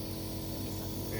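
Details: Nebulizer compressor running.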